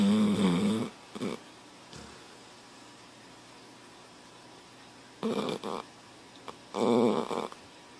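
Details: Snoring: loud, buzzing, slightly pitched snores at uneven intervals, with quiet breathing between them.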